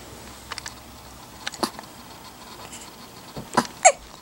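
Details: Several short, sharp throat catches at irregular intervals in a quiet room; hiccups from two hiccupping at once.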